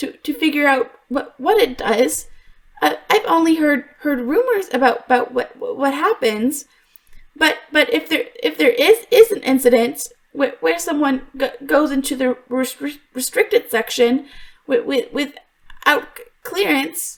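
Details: Adult woman voice actor who stutters in real life (worse when extremely stressed), performing an acted stuttering character; some stutters in the recording are genuine; in character, the stutter is called a deep-rooted psychological issue that fixes haven't cured: stuttering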